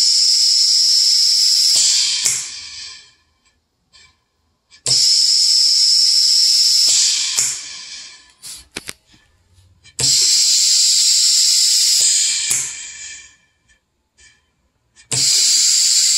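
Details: Prototype bag-squeezing emergency ventilator for temporary respiratory support: regular hissing mechanical cycles with clicks, about 12 a minute.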